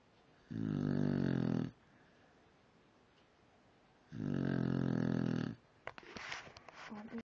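Two loud, buzzing snores a few seconds apart, each over a second long, followed by softer rustling: snoring.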